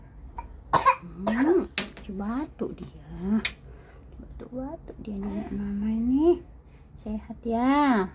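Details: Toddler with cough and cold, sunbathing to recover: a few short coughs mixed with babbling and whiny vocal sounds.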